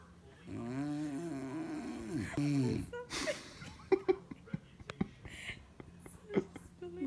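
A long voiced snore with a rough, buzzing tone, then quieter irregular snorts and clicks of noisy sleep breathing; snoring.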